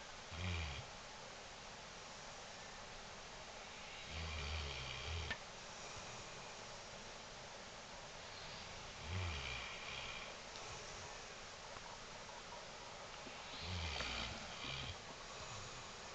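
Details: Female Mastiff dog snoring during sleep: deep, rumbling snores about every four to five seconds, about 13 a minute, over steady room hiss.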